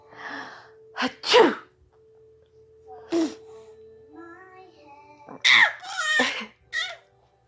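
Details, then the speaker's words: Several sharp, explosive sneezes ("achoo"), each preceded by a quick in-breath, over a steady background tone and light music; sneezing. "Achoo! Pet. I need to sneeze. Achoo!"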